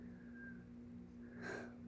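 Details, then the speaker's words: Short, quiet high-pitched whistling on a breath between words from an adult speaker who says they have had trouble breathing all day, without feeling sick or having COVID; audible wheeze. "o i know every now and then you can hear me wheeze i'm not entirely sure what's going on i don't feel sick i don't have coved but like i just have a hard time breathing"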